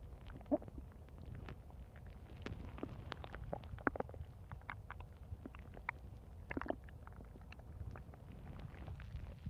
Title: Lupi's stomach growling in 3 minutes 5 seconds